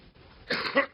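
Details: An adult woman gives a single short, harsh cough burst during a coughing fit while speaking in Cleveland, over faint room noise.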